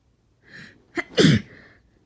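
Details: Sneeze during a cold, not induced and too strong to stifle: a breathy intake, then a single loud, explosive sneeze with a brief trailing exhale.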